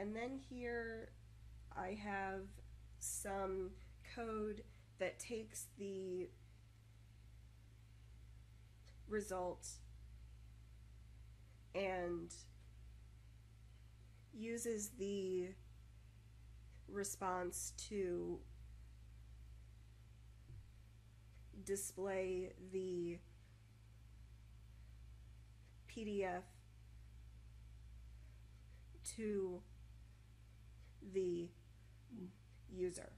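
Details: Adult woman who stutters, usually moderately; 2014 recording made when her stutter was more severe and uncontrollable as a side effect of prednisone taken for health problems, with blocks, repetitions and pausing; stuttering.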